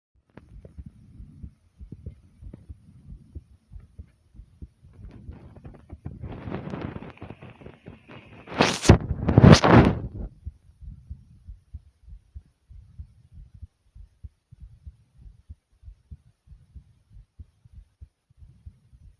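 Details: Steady, quick low heartbeat thumps, a tad fast after jumping in place, with a brief rustling burst midway; fast heartbeat after exercise.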